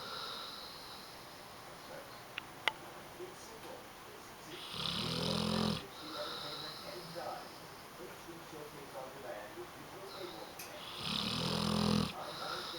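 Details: Snoring from a 1-year-old Great Dane/pit bull mix dog, snoring a bit.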